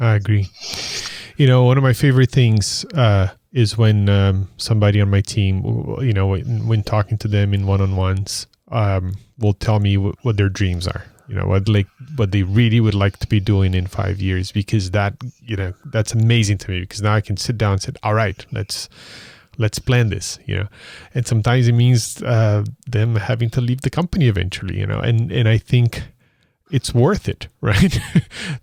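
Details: Adult man speaking; ordinary speech.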